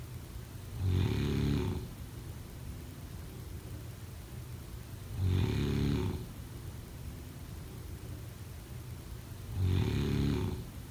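Three loud, rough snores on inhaling, about every 4.5 seconds with quiet breathing between, in a still room: ordinary snoring.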